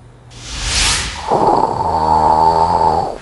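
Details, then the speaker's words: Sleeping adult, apparently a heavy snorer struggling to breathe: a breathy hiss, then rough, buzzing, droning snoring as air vibrates structures of an airway narrowed by a sagging uvula or tongue. "하지만 목젖이 늘어지거나 혀가 처지며 기도가 좁아지게 되면 이곳으로 공기가 지나면서 주변 구조물의 진동을 일으키는데 이 소리를 코골이라 한다. 결국 호흡이 방해를 받아 나타나는 증상이 코골이인 것이다."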